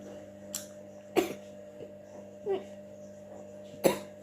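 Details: A few harsh, irregular coughs with throat clearing over a steady room hum, after fruit sticks caught in the throat, nearly causing vomiting.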